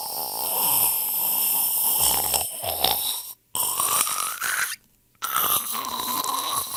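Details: Loud rattling snore on inhaled breaths with two short silent gaps between breaths, from a royalty-free sound-effect compilation of people snoring.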